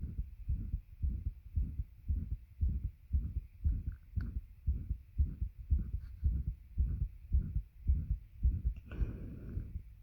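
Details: Heartbeat recorded while lying with a bed on the chest, with heavy breathing and attempted breath holds: steady, regular low thumps at roughly 110–115 per minute with faint hum; normal heartbeat.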